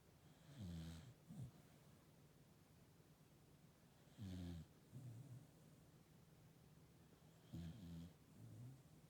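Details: Sheep snoring during sleep: low, rough snoring breaths recurring about every three seconds in a quiet space.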